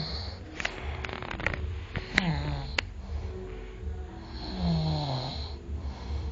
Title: roncando